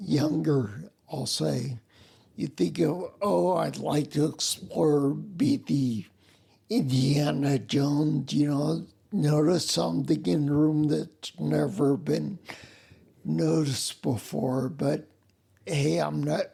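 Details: Adult man with spinocerebellar ataxia of unknown type; slurring began around 1999 (about age 39) with balance loss; uses a wheelchair; slurred speech sounding drunk, unclear on the phone; ataxic dysarthria.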